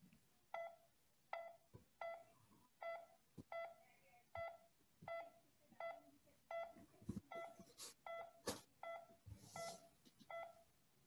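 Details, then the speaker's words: Steady, even pulse oximeter beeps at about 80 a minute, each beep marking a heartbeat, heard during a session on diagnosing hypoxemia. "there is also an audible beep that beep corresponds to each heartbeat it sounds like"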